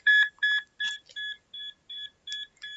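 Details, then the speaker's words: Repeated high electronic beeps in two overlapping tones: monitor alarms in a hospital room, in a dramatized scenario of an emergency-room patient with chest pain, clamminess and nausea collapsing. "the sound of alarms going off in your own room begins to fade into the distance as your world goes black"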